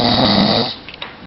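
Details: A person asleep and snoring: a single loud, rattling snore on the in-breath, then quiet breathing.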